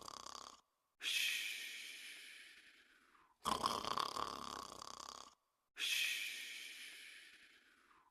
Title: Dogtanian & Ace Hart Sleeping & Snoring (Fixed version)